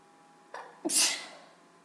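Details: Person with allergies: a brief in-breath, then a single sharp, wet-sounding sneeze that fades out; sneezing.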